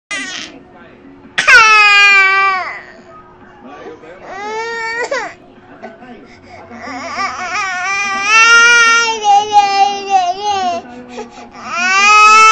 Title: cutest baby cry